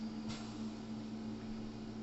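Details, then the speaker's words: Respironics Everflo 5-litre oxygen concentrator, running about 10 minutes to supply a Smith Little Torch for soldering: steady low hum with soft airy noise; normal operation. "the oxygen concentrator I've left it running on for about 10 minutes so that it starts producing the oxygen"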